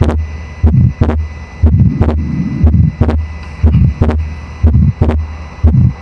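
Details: Simulated heartbeat, about 60/min: first sound, then a soft mid-systolic crescendo-decrescendo murmur, then a split second sound with the same separation whether inspiring or expiring; fixed split second heart sound.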